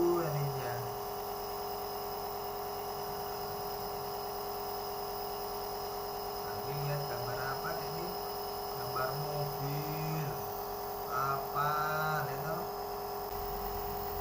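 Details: Child receiving nebulizer therapy for cough and cold to loosen phlegm, session about 30 minutes: steady mechanical hum of the compressor throughout, with child's and adult's voices faintly over it.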